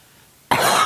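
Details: Elderly woman (grandmother) coughing strongly during a family dinner chat, attributing it to medication and a recent illness she is recovering from; quiet room, then a single sudden forceful cough burst. Cough.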